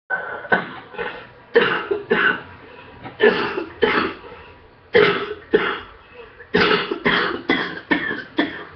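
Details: About a dozen short, fairly loud cough bursts in small runs with brief pauses, after two weeks of illness; the cough is improving on a second course of antibiotics.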